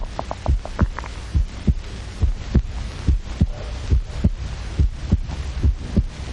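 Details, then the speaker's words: Human heart sound electrically amplified a million times, from a 1937 film: deep, booming, drum-like paired thumps at about 70 beats a minute in a steady rhythm, likened to a jungle drum; amplified heartbeat. "does this sound like the rhythmical beat of a jungle drum actually it is the sound of a human heart which science can amplify a million times"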